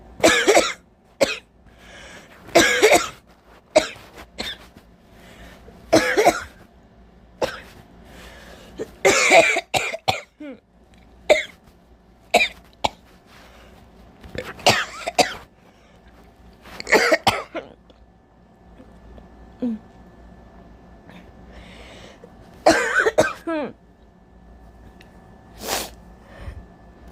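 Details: Sudden productive cough with phlegm in rainy weather: repeated loose, wet coughs in short bursts, some with throat clearing.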